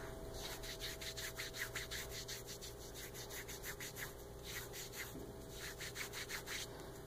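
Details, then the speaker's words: Quick, steady rubbing strokes, about three per second, over kinesiology tape just laid along the supraspinatus for a shoulder instability technique, rubbed to activate the adhesive. "after you get lay down you wanna rub it in order to activate the adhesive"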